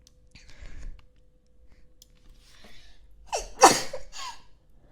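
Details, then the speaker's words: A short inhaled gasp after quiet breathing, then one very loud explosive sneeze and a brief trailing exhale, followed by an apology for sneezing so loud; a sneeze. "That was a very loud sneeze. I didn't mean to sneeze so loud."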